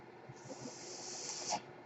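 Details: Home mechanical ventilator that a podcaster says is his own, audible during his recording: a soft, steady airflow hiss swells for about a second, then fades, one ventilator breath cycle.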